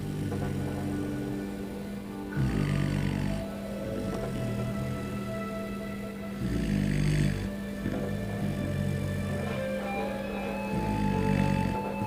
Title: Dogg snoring really loud!!! To funny